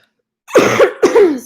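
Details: Adult woman about two weeks into COVID-19 illness, treated symptomatically with Mucinex and Tylenol; two brief, dry, harsh coughs in quick succession without wet rattle, a non-productive dry cough.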